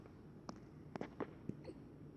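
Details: Puppy with hiccups: repeated hiccup sounds until the hiccups stop.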